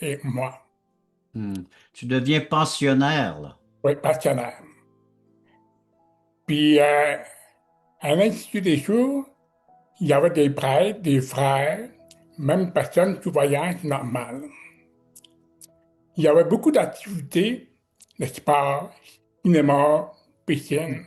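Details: Adult man with severe-to-profound deafness, speaking French; deaf speech.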